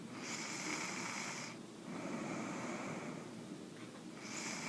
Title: Sounds from a man Snoring